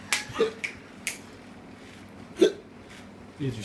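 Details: Hiccups described as coming like contractions: several brief, sharp gulping clicks at irregular intervals in a quiet room; hiccups.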